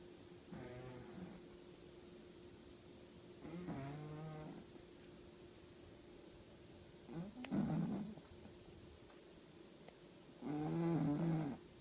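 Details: A sleeping male pug makes four rough, snorting breath sounds spaced a few seconds apart; noisy sleep breathing, snoring.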